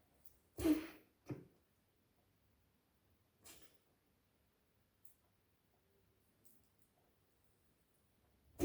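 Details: Dog coughing at night, recorded around 00:20: two short harsh bursts, then a softer third, in a quiet room.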